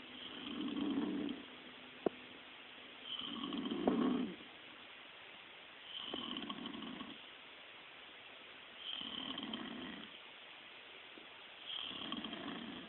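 Regular rough snores on each breath in, about 21 a minute, with quiet pauses between them. Ordinary snoring.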